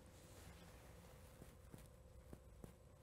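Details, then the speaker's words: Chest percussion demonstration over muscle: a very short, flat, low-pitched note that does not last long, a dull percussion note. "dullness is a very short flat low pitched sound that you would hear simply if you percuss over some muscle so we can do that now"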